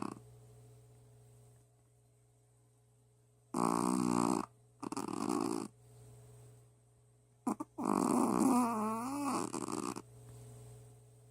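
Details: Sleeping Shih Tzu dog gives several loud, rough snoring bursts, the last longer with a wavering, groan-like tone, over a steady room hum.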